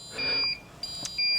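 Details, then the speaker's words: Shrill, steady electronic alarm tones repeating with short gaps from an ICU infusion pump, alarming because the door is open: infusion pump alarm. "now you will hear them alarm and ones doing it now that's a typical alarm that's because I haven't pressed go that's another alarm that's because"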